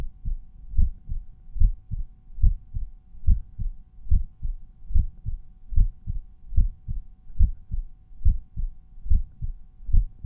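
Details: Resting, steady, regular lub-dub heartbeat at about 72 beats a minute with no added sounds, recorded at a standard auscultation point; normal heart sounds.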